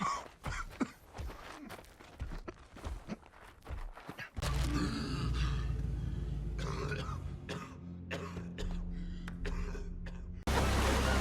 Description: A supercut of 3365 coughs and sneezes from Every Movie Cough, the world's most complete collection of cinematic coughs and sneezes.